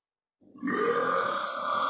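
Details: Woman's single long, loud voiced belch building quickly, about 1.5 seconds, with repeated "excuse me" around it; burping.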